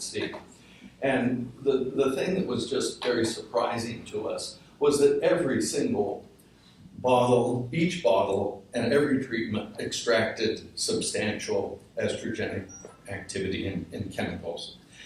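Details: Adult man with essential tremor; voice wavers; voice tremor (essential tremor).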